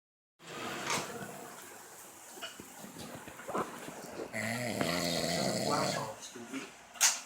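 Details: Irregular snorts, then a longer rattling snore during sleep, with a brief sharp noise at the end; snoring.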